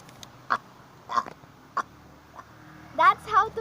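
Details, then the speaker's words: An eight-year-old child making voluntary burps by swallowing air, said to relieve a bloated stomach: several short, gulping throaty bursts, some with a croaky voiced quality; belching. "The best health benefit of burping is it keeps you healthy. You are allowing the carbon dioxide out from your system and also preventing excessive gas formation in your tummy."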